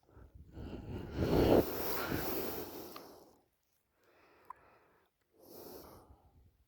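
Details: Loud snoring in a 20-year-old girl during sleep: a long, loud, rattling, snorting breath, then quieter breaths after a pause.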